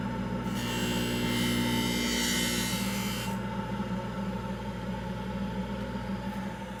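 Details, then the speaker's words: Dental lab aluminum oxide acrylic wheel trimming the bulk of labial acrylic on an orthodontic retainer: steady motor hum under a rough grinding rasp, with suction running throughout. "And this is my acrylic wheel. It's a aluminum oxide wheel, and it will knock down the acrylic fast, so I'm going to use it to shape the bulk of it and reduce the bulk of it."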